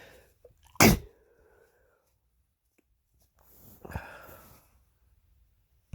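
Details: A man with a cold, his third this year, sneezes twice in a quiet room: one sharp, explosive sneeze, then a softer second one.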